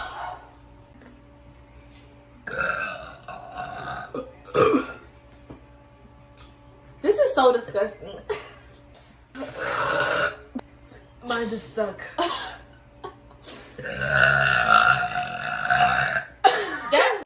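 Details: Burp compilation: several loud voiced belches mixed with talk and laughter over a faint steady hum.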